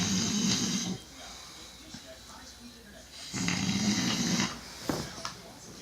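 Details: Very loud snoring: two rough, rattling snores about three seconds apart, each lasting about a second, with a quiet pause between; heavy snoring.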